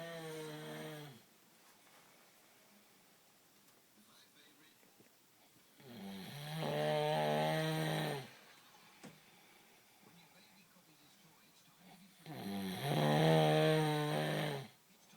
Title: Cow snore